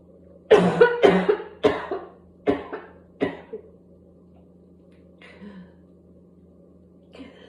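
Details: Paroxysmal coughing spell from whooping cough (pertussis), described as barking: a coughing spasm that goes on until gagging, spitting and vomiting.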